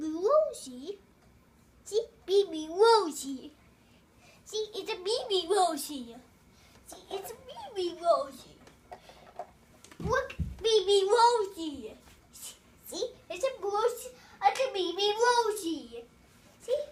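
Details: Boy with autism repeating cartoon lines word for word in everyday life, sometimes long clips; echolalia.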